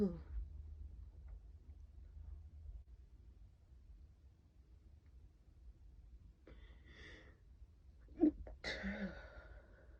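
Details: Stifled sneezes, then sneezes let out: faint breathy sounds, one or two false starts, a sharp burst and a louder open sneeze; the last sneeze was rather soft.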